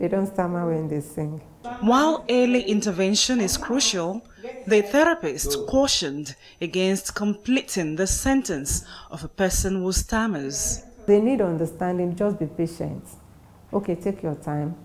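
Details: Adult narrator; fluent speech.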